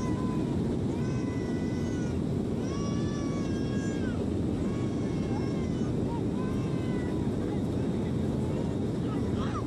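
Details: Infant crying throughout a flight: sustained high-pitched cries in rising and falling wails over a loud, steady aircraft cabin roar.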